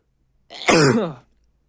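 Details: Stifled sneeze from an adult male: a short voiced build-up, then a single throaty held-back sneeze in a quiet room.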